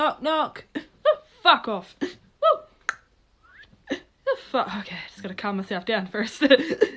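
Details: Woman with Tourette syndrome, with involuntary vocal tics including swearing before guitar playing; Tourette syndrome vocal tics.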